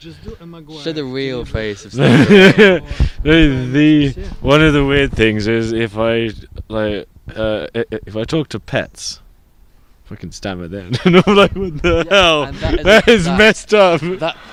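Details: Adult person who stutters, with blocks, reporting bad speech days over the last few months; stuttering.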